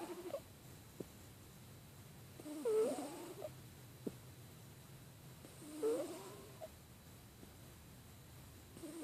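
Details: Snoring in a subject who has a cold: soft, purring snores on the breath about every three seconds, with small clicks and snuffles between.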